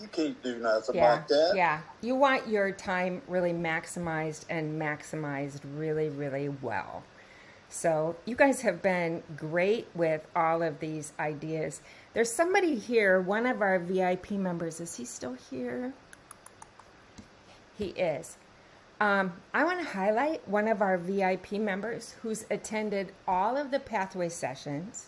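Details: Adult woman speaking; no speech disorder.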